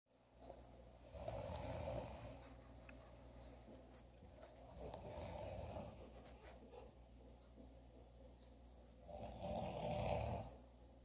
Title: snoring